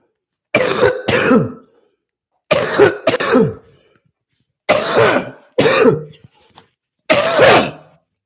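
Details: Productive cough heard during a morning live stream.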